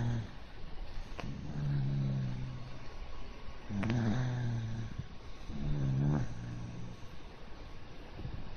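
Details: Pet dog sleeping on its back on owner's arm, snoring: low, rattling snores, about three in eight seconds, with quiet breathing between.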